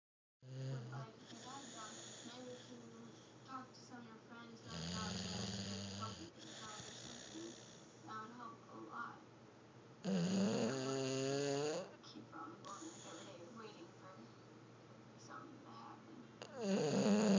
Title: My snoring furry-son